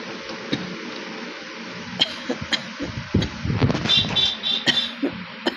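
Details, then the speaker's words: Woman with a bad cold giving several short, harsh real coughs with throat clearing and some breathy noise. "তো এখন আমি একটু real cock হয়েছে বলে real cock চ্যালেঞ্জটা দেখাচ্ছি তোমাদের।"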